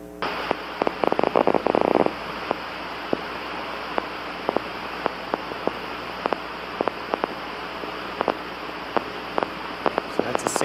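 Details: Needle EMG end plate spikes, a teaching example alongside a voluntary motor unit potential.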